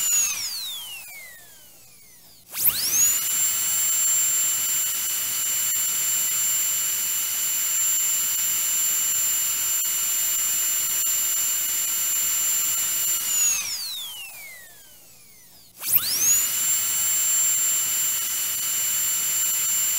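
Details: Sound-library recording of a dental drill: a high, steady whine that spins up, runs several seconds, winds down, then starts again.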